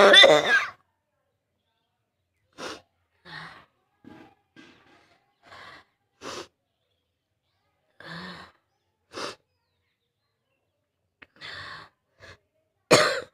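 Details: Adult with a cold, burning throat and real cough, on a rooftop for a coughing challenge: strong cough burst, scattered short coughs and gasping breaths, then a final forceful cough; coughing fit.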